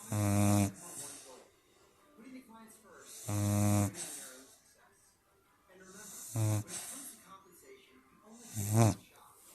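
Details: Snoring during a morning nap, recorded 12/24/22 with the room at 65° and 43° outside: deep, buzzing snores on each breath in, about one every three seconds.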